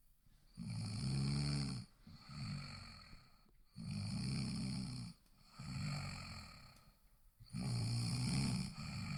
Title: Snoring Sounds